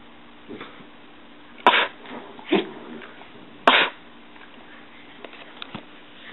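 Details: Three short, sharp nasal sneezes from a female dog sneezing on command as a trick; ordinary sneezing.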